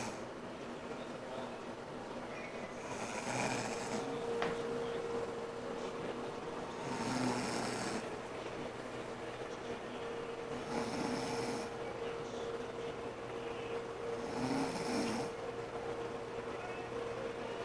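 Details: A mother asleep and snoring: soft, rough snores about every 3.5 to 4 seconds, roughly 15 breaths a minute, over a steady hum in a quiet room.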